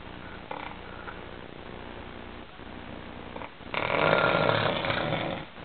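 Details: Snoring during sleep: a steady low rattling in the breathing that rises into a louder rough snore near the end.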